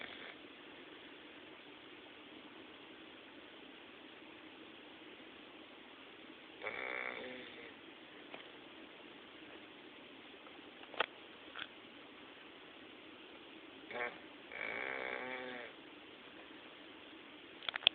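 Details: 8-year-old English Bulldog snoring during an afternoon nap: two fluttering, rattly snores over steady room hiss, separated by long quiet stretches and a few soft clicks.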